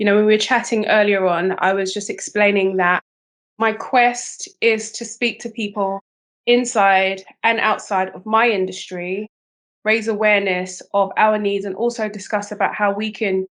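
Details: Adult woman speaking; Normal speech.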